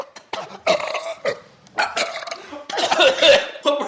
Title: This guy thinks drinking a bottle of Sprite without burping is impossible??